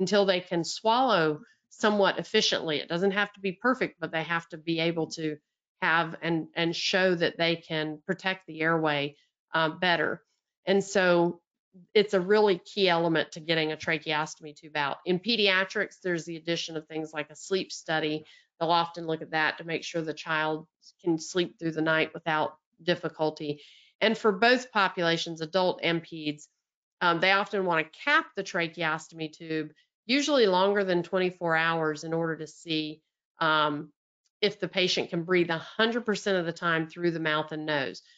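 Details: Adult speaker; normal speech.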